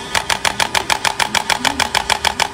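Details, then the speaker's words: Chiropractic adjusting gun used on the sole of the foot to relax the plantar fascia in plantar fasciitis (plantar heel pain): rapid, even mechanical tapping, about six impacts per second. "हमारी कारो पैटिक gun के साथ होने वाली adjustment है जो हमारे fascia को रिलैक्स करती है"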